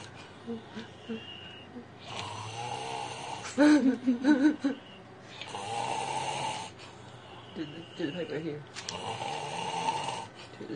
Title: When you find that dino-snore